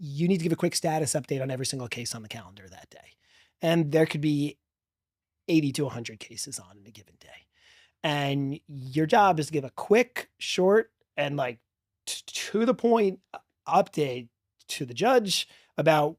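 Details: Real stuttering in a 40-year-old man who has stuttered since childhood and describes a strong stutter with blocks, heard in a podcast interview.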